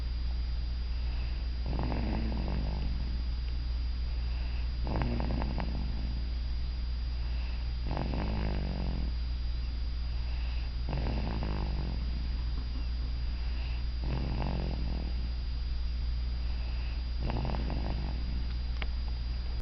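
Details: A sleeping cat snores in soft, regular rasping bursts, about 19 per minute, over a steady low hum.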